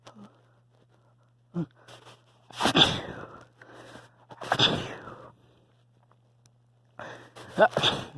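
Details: Person with a mild cold, after a nasal tickle, has induced hitching sneezes: halting in-breaths build to three loud sneezes, the last preceded by hitching catches.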